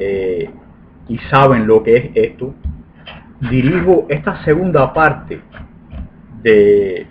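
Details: Adult man with lifelong stuttering since birth, about 40 years, which he considers the genetically inherited type, who used to block when speaking.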